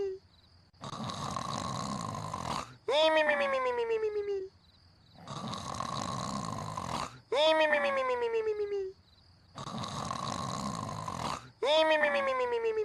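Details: Cartoon character (Grandpa Shark) snoring loudly: a repeating cartoon snore sound effect, about 14 a minute, with a rasping in-breath then a falling whistle on the out-breath; simulated snoring.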